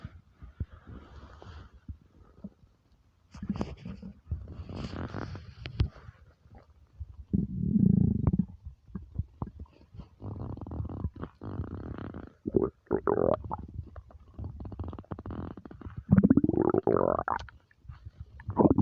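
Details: Deep, drawn-out gurgling and rumbling from the belly, some with rising tones; typical empty-stomach rumbling (borborygmi).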